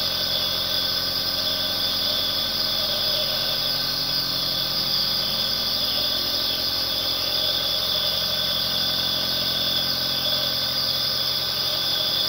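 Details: Nebulizer compressor running continuously: steady, unbroken mechanical hum with bright hissing airflow, no pauses or variation.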